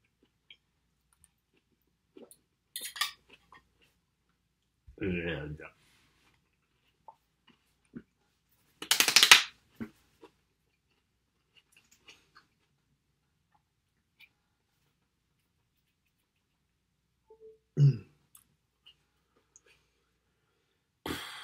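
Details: Self-recorded real Tourette's episode in a male with phonic, obsessive and motor tics and coprolalia; phonic tics.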